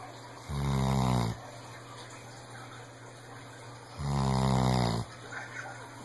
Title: Sam the senior rescued weimaraner snores!!